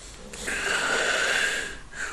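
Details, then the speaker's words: Sudden loud, snorting, whistly gasping in-breath as breathing resumes after an obstructive apnea with partial awakening, in a sleeping adult male who is a longtime loud snorer with recent weight gain and reportedly decreased snoring. "at this present moment robert is not breathing at all this is an apnea now there is a partial awakening and arousal"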